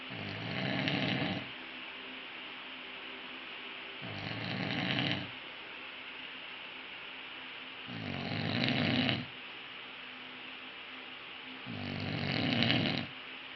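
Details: Man snoring: four regular rumbling snores on each breath in, about one every four seconds, roughly 16 breaths a minute.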